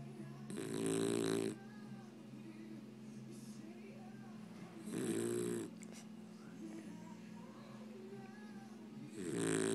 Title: Scottie snoring!